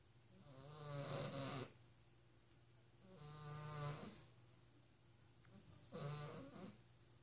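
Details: Three buzzing, vibrating snores at about 25 a minute, with quiet pauses between, over faint room hum, from a sleeping office companion; steady snoring.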